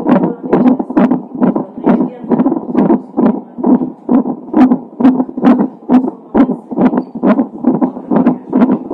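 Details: Fetal heart sounds of a baby with Down syndrome, recorded a few hours before birth: rapid, regular whooshing Doppler heartbeat at about 136 beats a minute, within the usual fetal range.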